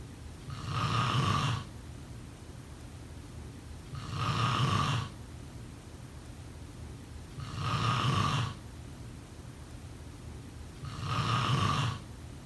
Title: Snoring sound … #5